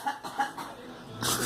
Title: Girl coughing